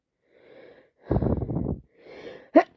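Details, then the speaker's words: Sneezing with a cold plus allergies after a park visit, with hay-fever medication run out: breathy inward gasps build to a sharp voiced sneeze; nose and eyes dripping, nose itchy, sneeze after sneeze. "Sneeze after sneeze. My nose is dripping. My eyes are dripping."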